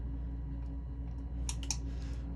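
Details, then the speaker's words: Laser tattoo removal patch test on the corner of the eyebrow, on brows microbladed 7 years ago with migrated, faded pigment: a few sharp snapping Q-switched laser shots over low machine hum; patient rates pain 2–3 out of 10. "the patch test I'm going to do is going to be on the corner of the brow just over here I'll do a couple of shots and then I'll give you a mirror so you can take a look at what it's looking like"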